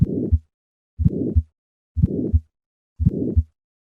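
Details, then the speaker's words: Simulated bicuspid aortic valve auscultation at about 58 beats a minute: three normal beats, then a sharp early systolic ejection click is added, then a systolic ejection murmur. "Listen to the sound of an ejection click and systolic murmur of bicuspid aortic valve. I will start with 3 normal beats, and then add the click, and finally the systolic murmur."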